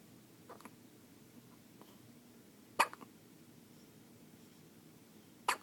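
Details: Infant hiccups in a baby: two sharp, brief hiccup sounds a few seconds apart, with faint softer ones between, in a quiet room.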